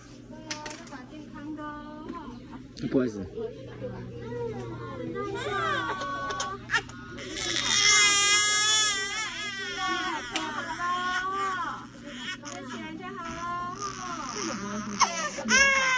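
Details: Infant daughter crying after a vaccination injection: loud, wailing bursts with whimpers between.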